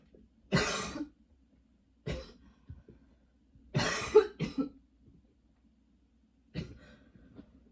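Several harsh dry coughs in short bursts with quiet gaps between, a repeated cough.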